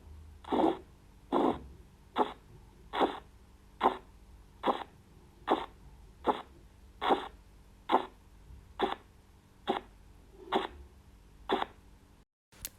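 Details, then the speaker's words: Korotkoff sounds in auscultatory blood pressure measurement of a seated patient, stethoscope over the brachial pulse as the cuff deflates at 2 mmHg per second: regular tapping beats at about 72 a minute. "y así vamos a empezar a escuchar ruidos o plantes o también llamados los ruidos de codelco"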